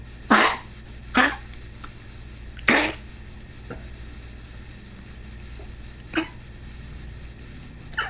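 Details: Dog's cough; several short, harsh, explosive bursts with pauses between, in a quiet indoor room.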